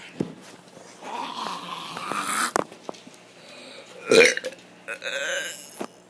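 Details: Child doing deliberate burps, complaining of stomach and rib pain: several loud burps with room noise between them.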